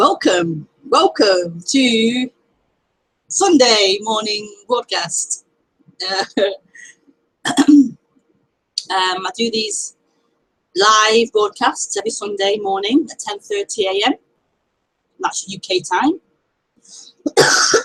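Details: Woman who says she often stammers on k sounds; stuttering with a possible block.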